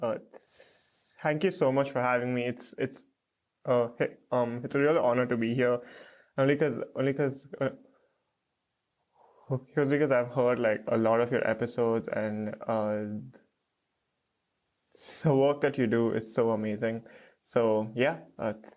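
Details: Adult male who has stuttered since about age 3 to 3.5, with blocks; stuttering.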